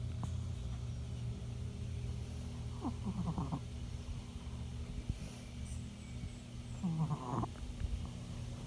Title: Why my dog snores so loud? 🧐